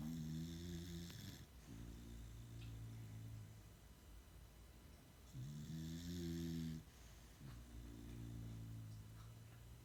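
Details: Deep, buzzing snores alternating with slightly higher ones, with short snorty breaks, from two dogs during an afternoon nap; snoring.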